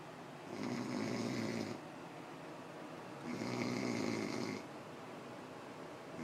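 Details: Two long, rough, rattling snores on breathing in, about three seconds apart, with quiet breathing out between, in a man described as drunk; loud snoring.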